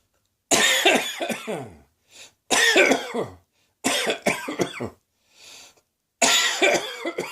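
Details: Woke with a sore throat, coughing began shortly after, possibly start of a summer cold; four harsh bouts of several hacking coughs with brief breaths between, repeated irritated cough.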